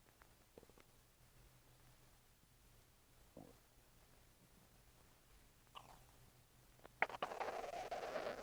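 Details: Ordinary stomach rumbling in a quiet room: a few brief gurgles, then a louder rumbling stretch at the end; normal bowel sounds.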